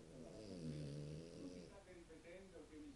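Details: Italian French bulldog sleeping and snoring: a long, low rumbling snore on the in-breath, then quieter rattling breath sounds in a small room.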